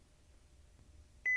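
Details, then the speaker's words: Philips HeartStart OnSite AED training demonstration: a quiet room, then a sudden steady electronic beep as the AED, with pads placed on bare skin, finishes analyzing the heart rhythm before advising a shock. "as soon as the pads are in place the AED will immediately start to evaluate the heart rhythm no one should touch the patient"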